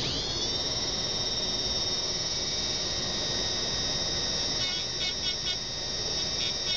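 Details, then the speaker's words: Steady high-pitched whine of a high-speed dental drill with brief pitch dips as the bur touches, trimming an interim restoration on tooth 21 down to the finishing line using the side of the bur, in a dental student demonstration. "And use like the entire length of the burr. Some people like use this, and it's gonna give you not a nice smooth area. So use the side of the burr."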